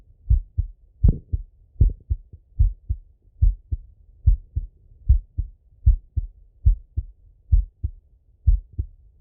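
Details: Male heart auscultation through a stethoscope, recorded sitting or lying: steady paired lub-dub beats at about 76 a minute, clean with no extra sounds; normal heart sounds.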